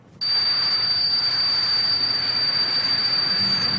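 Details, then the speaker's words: Simulated tinnitus (ringing in the ears): a steady high-pitched ringing tone over a hiss, starting abruptly and continuing unchanged. "not a teapot that is tinnitus ringing OH easier ringing in the ears actually different kinds of sounds"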